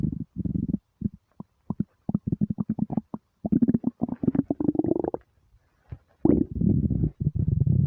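Rapid runs of low gurgling pulses and bubbling rumbles from the belly, the stomach growling of hunger.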